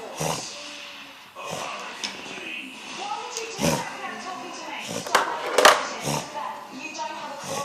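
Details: Dog (Toby) coughing for 4–5 days, worse over the weekend, mainly evenings and early-morning walks, in winter; no visible throat obstruction, still eating and drinking. Harsh, forceful coughs with gagging retches, bringing nothing up.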